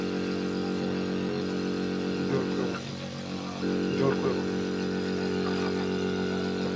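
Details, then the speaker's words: Hicks piston compressor nebulizer running on direct AC, inlet drawing air and outlet pushing it out for nasal medicine delivery; steady loud motor hum with rapid buzzing rhythm and brief speech over it; unit brought in as faulty for repair. "একদিকে হাওয়া ঢুকছে, একদিকে হাওয়া বেরিয়ে যাচ্ছে। এটা দিয়ে এটা সোজা চলে যাবে নাকে।"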